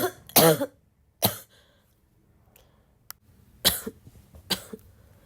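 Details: Girl still sick and coughing a lot: four harsh, forceful coughs separated by pauses, some with a throat-clearing quality, tagged as a barking cough; repeated coughing during illness.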